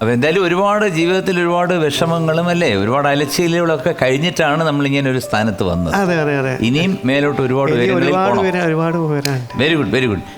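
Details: Adult male speaker in conversation; Normal speech.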